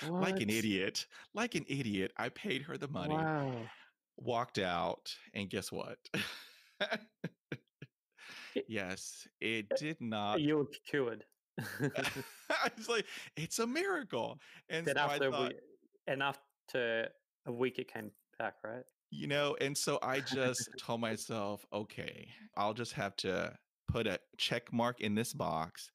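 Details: 28-year-old man who has stuttered his whole life, since about age three, real speech; stuttering.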